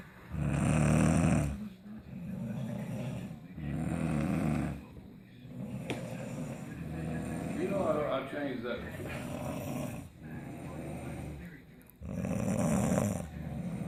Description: My daughter's snoring after their wisdom teeth removed.